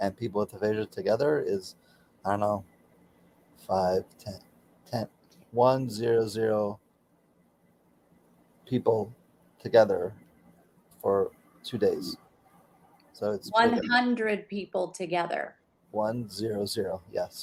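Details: Aphasia for about 16 years after a stroke during surgery, with right arm and leg affected, in a man still working daily with speech pathology.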